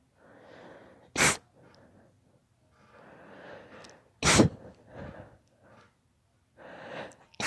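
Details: Daughter's rapid allergy sneezing fit: two or three sharp, explosive sneezes in quick succession, each preceded by a quick indrawn breath.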